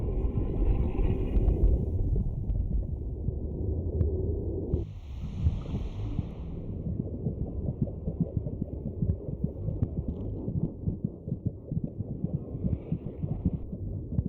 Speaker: A cacophony of sloshes, beats and burps mark the passage of food, blood and air, in and out through the maze of passages and tubes, just inches from the baby's ears.